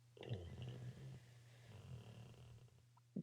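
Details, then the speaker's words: Snoring from a sleeping man, heard at a distance during a podcast recording; he later wakes up. "I can't stop listening to him snoring. Literally, this is hilarious."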